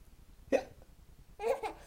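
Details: Two short, abrupt voiced fake hiccup sounds about a second apart, made by an adult to amuse a laughing 3-month-old baby, against quiet room noise; simulated hiccups.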